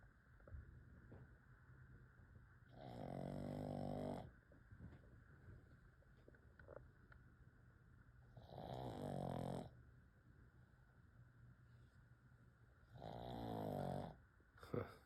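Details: Three long, rattling, buzzy snores several seconds apart over steady room hum: loud snoring in a sleeping pug.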